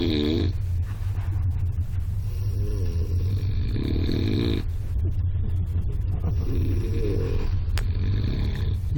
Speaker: Очень смешно. Я держу храп.